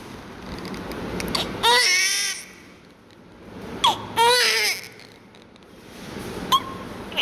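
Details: Newborn during airway suctioning and oxygen care: two loud, high-pitched cries and a brief third cry onset, between quieter rustling and suction sounds.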